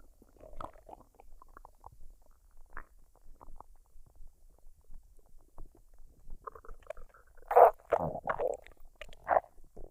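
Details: Woman's belly after a fried rice and duck dinner, unedited, no artificial sounds: frequent gurgles, squelches and longer rumbling runs; normal active bowel sounds during digestion.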